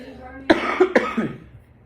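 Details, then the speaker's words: Two sharp, dry coughs in quick succession with a faint voiced catch between them, in a quiet room, from a 17-year-old giving a class speech who thinks they are coming down with a cold, with a dry throat. "I'm sorry for all the coughing. I think I'm coming up with a cold. My throat's really dry, and I have chronic coughing right now."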